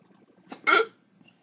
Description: Dont you just hate the hiccups?